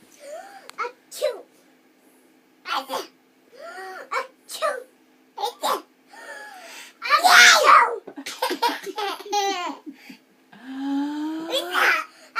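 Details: Child's sharp sneeze amid babbling and laughter, with adult voices nearby; an ordinary sneeze.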